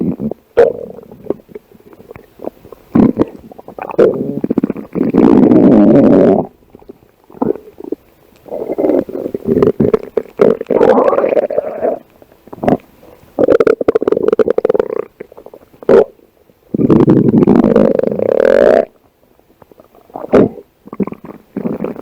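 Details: Loud gurgling and rumbling stomach growling in irregular bursts and long growls: ordinary bowel sounds (borborygmi).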